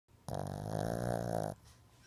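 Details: Sleeping Shih Tzu dog: a single loud, rattling snore lasting over a second, low and buzzing; snoring.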